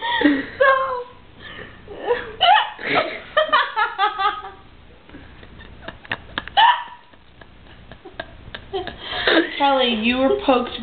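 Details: Person with hiccups in Jamaica: repeated short, sharp hiccups mixed with laughter and voices in a small room.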